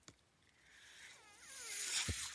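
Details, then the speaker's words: Rising airy hiss with faint whistling sweeps and a soft thump from a man's mechanical ventilator delivering a breath, heard as he speaks: mechanical ventilator sound. "My name is. That noise you're hearing is my ventilator."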